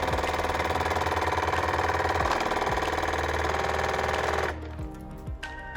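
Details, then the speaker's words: Waterpik water flosser in floss mode, warmed up before use: steady, rapid buzzing pulses over background music; the motor stops once the water runs warm and the handle flow is turned off. "okay that's still cold and there it's coming out warm so we're going to turn off the water flow on the"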